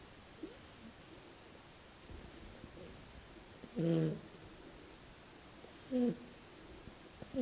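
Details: Two short, buzzing low snores from a sleeping Shar-pei puppy, with quiet breathing between them.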